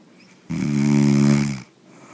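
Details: One loud, buzzing, rattly snore about a second long in a quiet room from a sleeping person; snoring.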